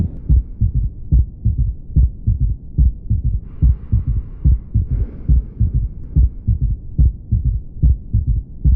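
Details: S3 heart sound: a regular heartbeat of about 72 a minute with an added soft third sound after the second sound, giving a gallop rhythm.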